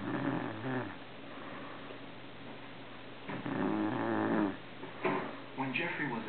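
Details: Man snoring, recorded before his later diagnosis of sleep apnea, with a TV playing in the background: two rough, buzzing snores with a brief pause, then softer snuffling breaths; low-quality recording.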